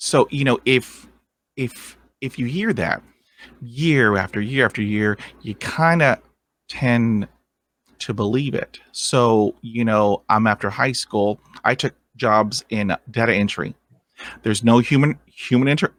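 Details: Adult man who has stuttered since growing up; real, unscripted adult stuttering.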